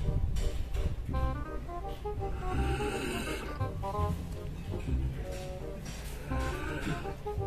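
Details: Large fattened cow lying asleep in a farm barn: deep, rumbling snores, partly masked by loud background music. Snoring.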